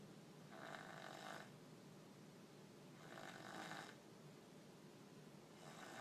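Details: Sleeper snoring: soft, hissing snoring breaths recur about every two and a half seconds over steady room noise; snoring.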